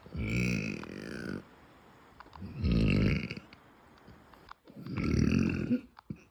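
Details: Female producing closed-mouth burps: three long, low, rumbling belches, each about a second long, with quiet pauses between.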